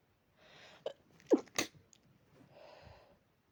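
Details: Dog sneezing, linked to allergy: a few short, sharp nasal bursts in a quiet room.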